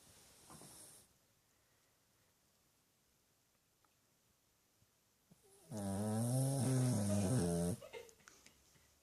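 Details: 13-year-old rescued Shih-Tzu/Pug mix dog snoring as loud as a human, sleeping with eyes slightly open: a single loud, low rattling snore of about two seconds after a quiet stretch.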